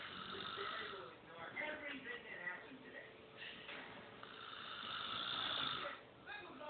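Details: Snoring in a man, recorded on an Android phone: harsh, rattling, fluttering breath noises across a few breaths.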